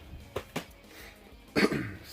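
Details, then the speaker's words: Adult getting over a cold with raspy voice: two short dry coughs, then a louder throat-clearing cough. "Excuse me, I'm getting over a bit of a cold. I sound a little raspy."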